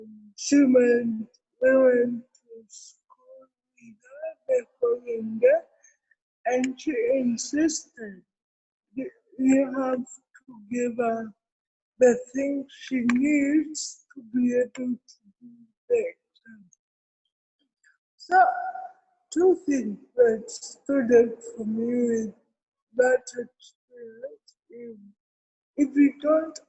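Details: Adult woman with cerebral palsy; dysarthria (cerebral palsy).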